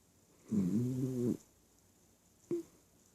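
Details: Sleeping dog snoring: one low, rattling, snorting breath, then a short snort.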